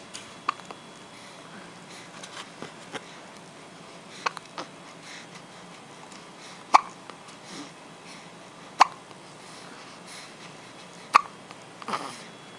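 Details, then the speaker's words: Cat hiccups: short, sharp hiccup clicks recurring irregularly over quiet room noise. "What you filming me for? I had the hiccups. So what?"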